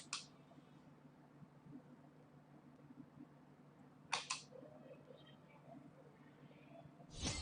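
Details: Nd:YAG laser tattoo removal, second session on stars, self-administered by a non-professional using a professional machine: sparse sharp snapping clicks of laser pulses in a quiet room.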